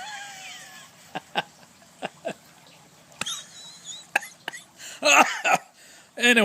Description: Cigars make you cough !!!